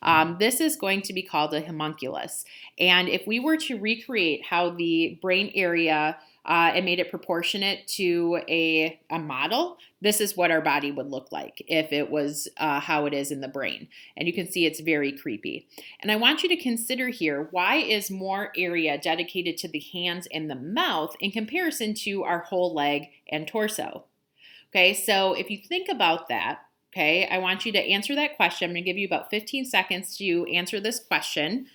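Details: Adult speaker; normal speech.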